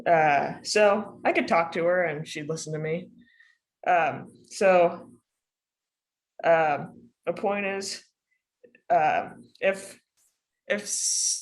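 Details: Panelist in a group of kids, teens and adults who stutter, speaking spontaneously; stuttering.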